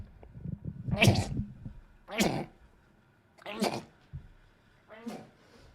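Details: Adult male streamer who mentions having allergies: four short explosive sneezes in quick succession, a few seconds apart, in a quiet room.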